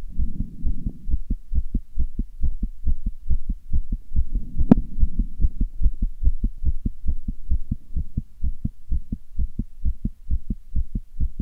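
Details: Self-recorded fast heartbeat: rapid, regular low heart thumps at about 140 beats a minute with a steady hum behind, the valves heard opening and closing quickly; tachycardia.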